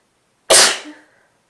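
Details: A single sharp explosive sneeze with a brief trailing voiced sound from an adult with a worsening cold, runny yet stuffy nose and itchy, tickling nose.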